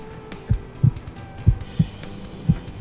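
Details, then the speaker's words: Heartbeat heard through a stethoscope by an adult presenter listening to his own heart in the back of an ambulance: soft low paired thumps about 75 a minute over light background noise; described as healthy. "hear that yeah that's my heart beating i'm nice and healthy"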